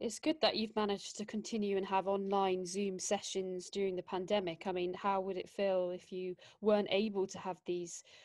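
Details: Adult woman; typical speech.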